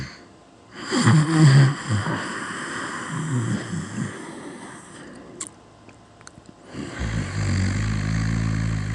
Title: Loud snore